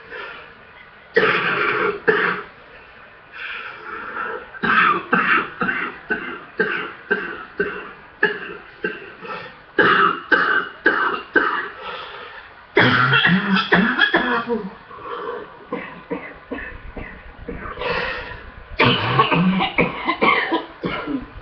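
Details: Long fit of rapid, harsh coughs in close runs with brief pauses from a person with a full, congested chest; productive chest-congestion coughing fit.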